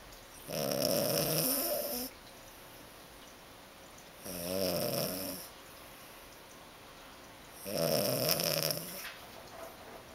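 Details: Three long, rattly snores on the in-breath, a few seconds apart in a quiet room; snoring.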